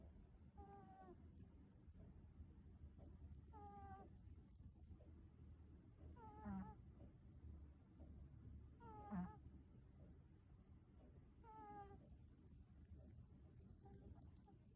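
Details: Sleeping cat snoring with a brief whistling, squeaky tone on each breath, about 24 a minute.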